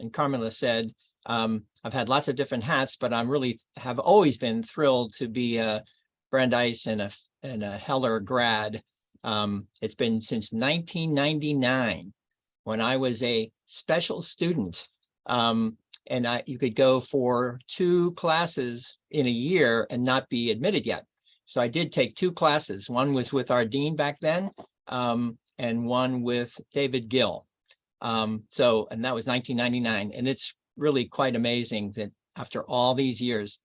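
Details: Adult man with mild, chronic expressive aphasia following his own strokes.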